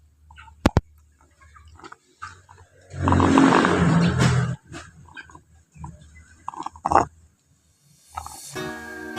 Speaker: dengarkan baik-baik suara ayam yang morok